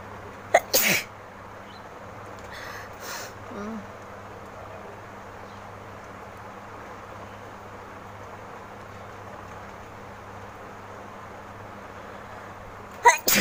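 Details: Sneezing challenge part 3 by a woman, with nose blowing into a handkerchief: a sharp sneeze near the start and another at the end, soft breaths between, over steady room hum; sneeze.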